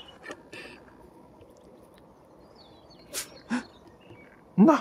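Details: Male cat outdoors in a garden gives a few short, soft cough-like bursts, owner jokingly wonders about coronavirus; birdsong in background, filmed with Panasonic Lumix FZ82: cat cough.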